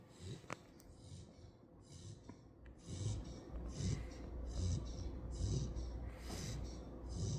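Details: A sleeping female puppy snores like an old man: soft, regular snuffling snores, each breath with a rough nasal rasp. Ordinary snoring.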